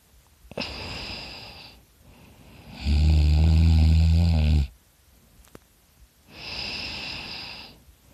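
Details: A person's own loud snoring during sleep, which they were unaware of until recording: deep, rattling breaths, the middle one heavy and coarse, with quieter, softer snores around it.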